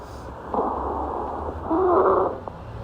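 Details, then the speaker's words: Stridor heard near the trachea: two harsh, noisy breaths, the second with a high, rough whistling tone, suggesting upper airway or laryngeal obstruction such as epiglottitis or croup. "el estridor puede ser muy característico de una patología de vida aérea alta como puede ser la epiglotitis o el crup es por esto que lo escuchamos cerca de la tráquea"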